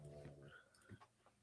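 A low, rumbling snore from a sleeping dog, heard over a quiet room background.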